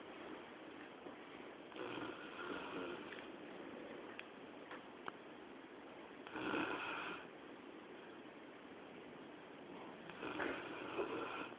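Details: Labrador Retriever sleeping indoors at 2 a.m., snoring: soft, rough breathing sounds recurring every few seconds over steady room hiss.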